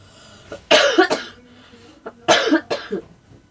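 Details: Adult cough, said not to be COVID, during a massage treatment for cough: two bursts of coughing, each a pair of harsh coughs, in a quiet room.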